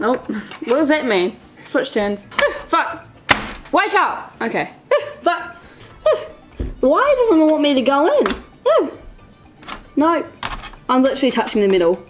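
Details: Teen with Tourette syndrome talking while playing a board game; vocal tics may occur during speech; finding: vocal tics (Tourette syndrome).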